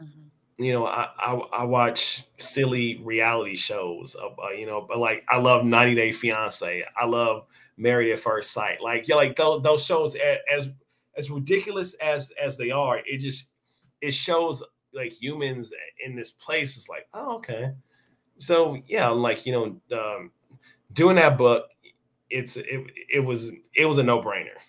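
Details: Adult male with a speech impediment since age five; stuttering.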